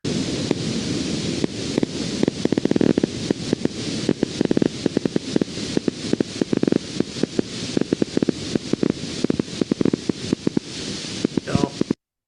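Steady hissing noise with irregularly timed, crisp crackling pops at uneven intervals: normal endplate spikes from a needle in the muscle endplate zone.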